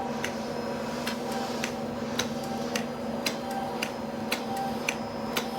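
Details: Sharp, fairly regular clicks about once a second over steady hum and room noise: a radiofrequency microneedling device firing pulses as acne-scar treatment on a woman's face in dark Hispanic skin is finished.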